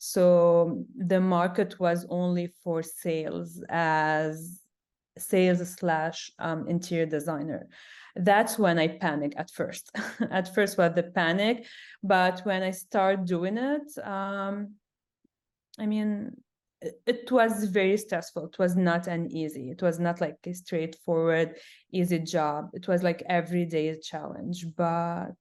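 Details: Adult woman who stutters, with sound repetitions in this stretch; she also reports big blocks. Stuttering.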